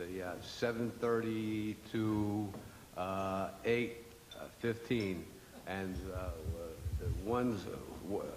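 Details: Man with aphasia who had two and a half years of speech therapy before he could finally say something; aphasia.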